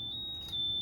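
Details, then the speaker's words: A bed-exit alarm clipped to an ICU patient's gown pulls off when the patient tries to sit up and sounds a steady, loud, high-pitched electronic tone; bed-exit alarm. "You're going to clip it to the patient's gown, and when they try to sit up, it's going to pull off and make an alarming sound."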